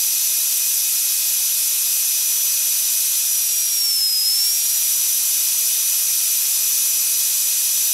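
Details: Steady high-pitched whine with a brief dip in pitch as the speed changes, stopping and starting: a dentist's drill sound effect.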